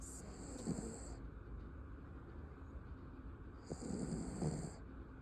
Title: Not snoring. Breathing. 😴#lovedogs #funnymoments #funnydogs #viralshorts